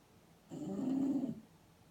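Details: Someone snoring, Halloween 2015: a single low, droning snore lasting under a second in a quiet room.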